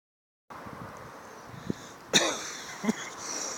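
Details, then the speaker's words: Adult with a cold (cough and runny nose), outdoors in snowy drizzle at -5°C: a single sharp cough with a smaller throat sound after it. "Всем здрасте. Прошу прощения за кашель. Простудился малость."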